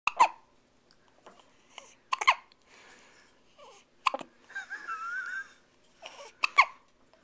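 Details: Short, sharp catches of breath every couple of seconds with soft baby noises between them; a newborn's first hiccups out of the womb.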